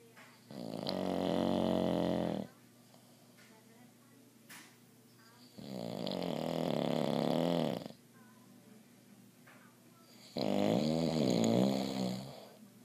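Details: Three loud, harsh snores at about 15 a minute from a 55-year-old man with obstructive sleep apnea who fell asleep watching TV before putting on his CPAP.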